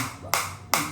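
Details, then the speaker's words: Biotronix focused shockwave device applied to the operator's own hand at intensity 10: two sharp, loud snapping pulses about 0.4 seconds apart from the focused shockwave applicator firing. "So right now I'm getting very affected focus shock wave on the [applause] hand area and uh this is the intensity 10."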